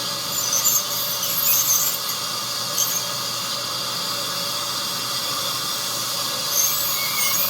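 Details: Continuous high-pitched whine with intermittent squeals and spraying sounds from an ultrasonic dental scaler during a clinic teeth cleaning of a 43-year-old adult with no cavities found on the pre-cleaning check.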